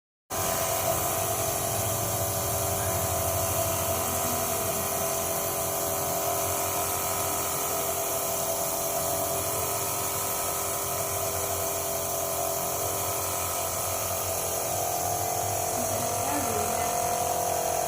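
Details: Steady mechanical hum and hiss of a nebulizer compressor running continuously during nebulization therapy of a 4-month-old baby in a NICU, for respiratory issues such as pneumonia and cough.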